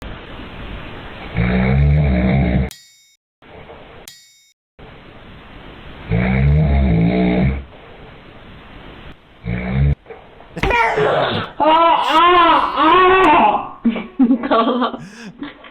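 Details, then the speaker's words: Two loud, rumbling inspiratory snores from a sleeping adult man (dad), followed by an infant's fussing vocal sounds as the baby slaps him. "I think he needs to get his snoring check clearly it's disrupting the baby"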